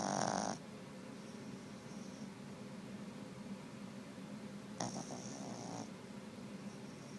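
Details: Snoring from a Boston Terrier asleep on the owner's lap: low, steady snuffling snore with a couple of brief louder breathy snorts.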